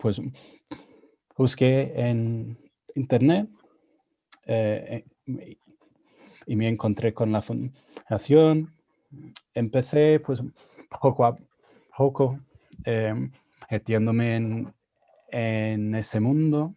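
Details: Stuttering in an adult man, speaking Spanish, a second language he learned after moving to Spain at 22; he reports his stuttering was more severe in Spanish.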